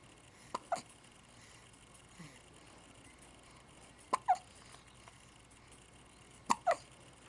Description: having hiccups